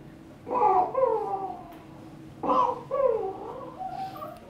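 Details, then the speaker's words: Child with noisy breathing: musical, high-pitched stridor on both inhaling and exhaling, with apnea pauses; biphasic stridor. "yeah definitely biphasic with apnea and fairly a musical actually"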